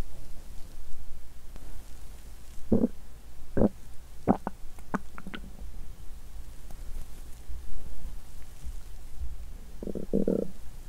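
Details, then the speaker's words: Bowel sounds from an adult woman's abdomen, lying down, menstruation day 2: several short gurgles and squelches over a low steady rumble; she says the stomach is noisy while the intestines are quiet. ""なんか、胃が何か言っています"。"なんかね、腸は静かで胃がうるさい！"。"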